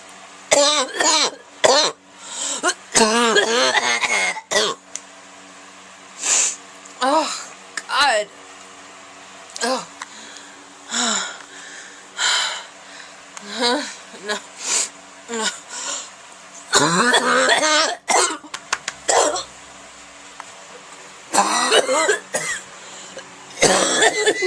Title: Horrible Barking Cough